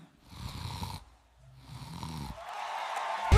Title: battle of band snoring